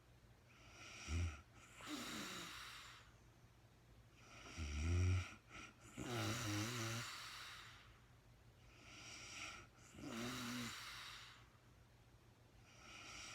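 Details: A woman sleeping, recorded in real time with no talking: slow, regular breathing with a rough, fluttering rattle on each breath, about 13 breaths a minute; snoring.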